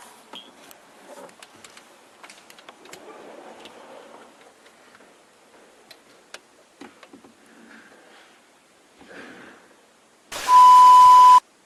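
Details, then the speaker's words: Simulated audiometry exam: bone-conduction tone from a device behind the ear with waterfall-like masking noise in the other ear. Faint clicks, then a brief loud hiss with a steady tone. "Eu vou colocar atrás do ouvido, você vai ouvir o apito. Do outro lado vai ter uma cachoeira. Ignora a cachoeira, levanta a mão só para o apito."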